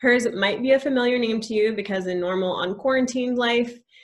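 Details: Adult woman; Typical speech.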